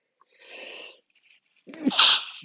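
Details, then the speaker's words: Adult sneezing during a self-described sneeze attack: a soft drawn-in breath, then a sudden loud, explosive sneeze, one of a sneezing fit. "hey but uh hey thanks for watching me sneeze man I got a freaking sneeze attack right now"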